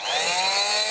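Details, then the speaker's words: Electric oscillating cast saw removing a cast from a child: high, steady buzzing whine. "you have to take care of the temperature of the saw because it gets very hot with the cut of the cast"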